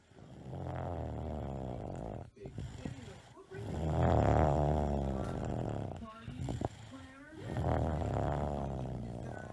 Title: A Toddler Snoring like a trooper